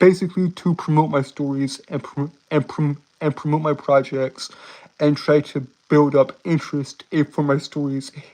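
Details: Adult male who says he has a severe speech impediment that makes him stutter, which he calls a disability; repetitions and a block before the word "authoritarian"; stuttering.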